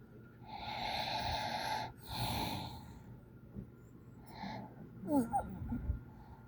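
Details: Squeaky snore: sleep breathing with a long whistling, squeaky tone, then snorting and rattling noises.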